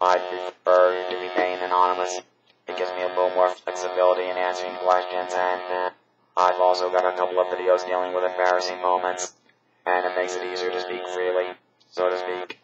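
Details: Electrolarynx speech from a man who had a laryngectomy removing his vocal cords, using a buzzing artificial larynx pressed to the throat.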